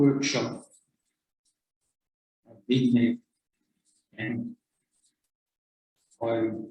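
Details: Man with aphasia after a 2010 stroke affecting two-thirds of the left brain, initially losing all speech; nearly 12 years on, still has talking difficulty, worse when tired; aphasia.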